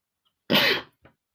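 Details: Adult male, one sudden explosive burst of air through nose and mouth with a short breath after it; a single sneeze, which he attributes to flowers irritating his nose.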